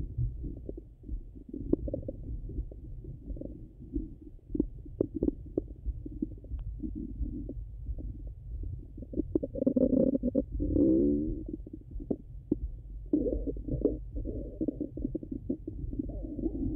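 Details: Stomach sounds recorded through a stethoscope, either hungry or full: low rumbling and gurgling with scattered pops and brief louder bubbly runs; ordinary active bowel sounds.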